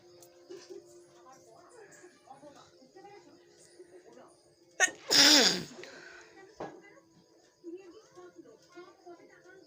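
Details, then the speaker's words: A single loud, explosive sneeze with a sharp intake before it, part of a real, unprovoked bout of repeated sneezing with nose tickling and headache; the sneezer says nothing was used to trigger it. "তো গাইস হাঁচি দিতে মাথায় যন্ত্রণা শুরু হয়ে গেছে। তো এগুলো ফেক না, এগুলো রিয়েলি হচ্ছে।"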